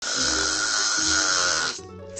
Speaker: une mélodie plus ou moins puissante au note parfois recherché mais insupportable pour l'entourage le ronflement